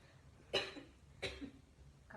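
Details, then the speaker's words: Simulated cough in a nursing caring role-play: the patient reports fever, body aches and cough after eating late and getting caught in rain, with no medicine taken. Two short, light coughs over faint room noise. "Kakak kenapa? Kok dari tadi saya dengar kakak batuk-batuk terus? Lagi batuk."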